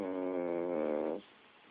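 A single drawn-out buzzing, rattling breath sound that then fades, fitting a snore from a sleeping small dog.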